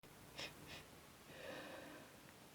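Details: Person with a cold, exhausted, sneezes unusually harsh and hurting the throat: two quick hissing intakes, then a harsh, drawn-out sneeze with a rough voiced edge, over steady background hiss.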